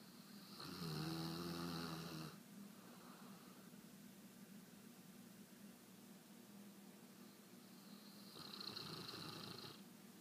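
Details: Gibson snoring while asleep and dreaming: two long, buzzing snores on breathing in, separated by quiet out-breaths of several seconds, about four breaths a minute; snoring.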